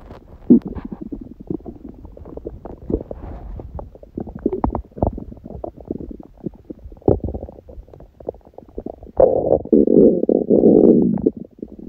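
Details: Hunger stomach growling recorded over a long stretch: continuous low rumbling with rattling, popping "karakara pokopoko" gurgles, louder near the end, with no especially prominent sounds; ordinary borborygmi.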